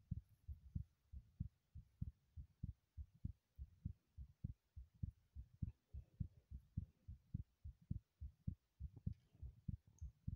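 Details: Rapid, regular low heart thumps at roughly 100 beats per minute, recorded while running in a bathroom; fast heartbeat after exercise.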